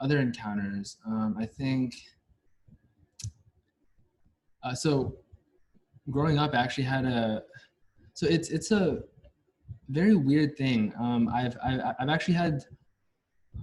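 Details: Stuttering in a US-born man from a Chinese family, a senior university neuroscience student, who has stuttered since about age five or six, with blocks and getting stuck on sounds; his father and maternal grandfather also stutter.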